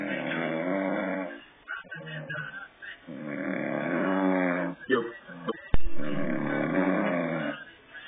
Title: OLD MAN SNORING